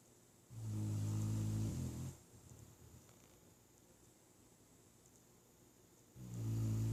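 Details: Sleeping pet dog giving two deep, buzzing low snores separated by a quiet pause of several seconds; snoring.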